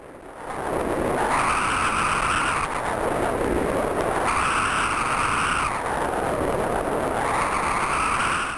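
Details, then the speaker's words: Continuous, non-pulsatile whooshing rising and falling gently, handheld 8 MHz Doppler at the foot: venous flow, to be distinguished from a monophasic arterial signal. "Dans cette dernière situation, nous avons entendu un son en continu. Ce son en continu représente le flou vasculaire d'une veine."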